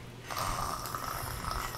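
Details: A 7-year-old boy on the autistic spectrum (PDD-NOS) pretends to be asleep in his grandmother's bed and imitates snoring like his father: a drawn-out, rattling, snore-like noise through the nose and throat.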